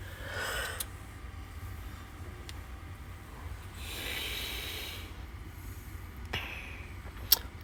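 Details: Snoring from a sleeping adult woman (wife) in a moving vehicle: two noisy, snorting breaths several seconds apart over a steady low vehicle rumble.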